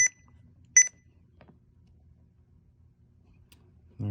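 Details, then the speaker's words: Two short high electronic beeps as an IV infusion pump running an epinephrine infusion is paused in a training demonstration, then a quiet room with a soft click; infusion pump pause beeps. "righty so it's paused if we want to start it back up again we can hit okay and then continue on with that infusion thank you"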